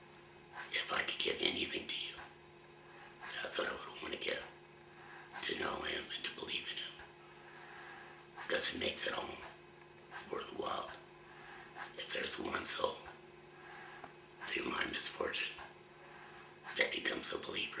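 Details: 53-year-old man about one year after total laryngectomy for throat cancer; voice prosthesis placed two months ago, now used with a hands-free device rather than finger occlusion of the stoma; used an electrolarynx for the first 10 months; finding: tracheoesophageal speech.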